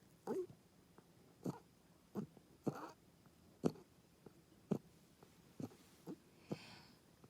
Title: Oreo coughing 2/25/2021